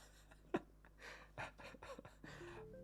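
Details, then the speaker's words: A sleeping chihuahua snores loudly, with short, noisy breathing bursts over quiet background music: snoring. "Don't know if you can hear that. He's snoring so loud."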